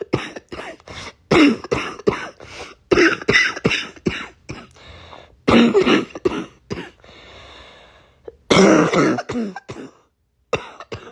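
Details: Adult with a cold with chest congestion: quick bouts of harsh coughs with throat clearing; congested wet cough.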